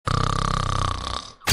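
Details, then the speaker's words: One long, loud, rattling low snore on a single breath, fading at the end; a typical snoring sound during sleep. "చాలా మంది ఇలా కొరక పెడుతుంటారు ఇలా snoring రావడానికి కారణం ఏంటంటే కేవలం మీరు అలసిపోయినప్పుడు స్ట్రెస్ ఎక్కువగా ఉండటం వల్ల మాత్రమే కాదు"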